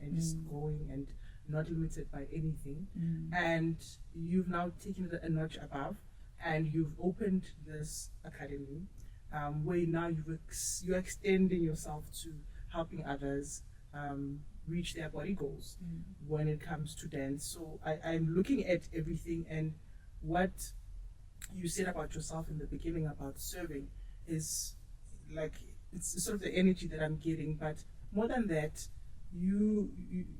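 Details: Adult speaker; normal speech.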